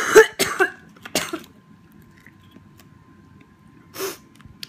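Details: Adult woman with cystic fibrosis on day 2 of Orkambi, breathing laboured, coughing up blood: a cluster of three harsh coughs, then a fourth after a pause.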